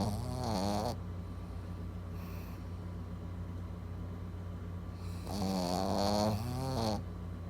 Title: Cute puppy snoring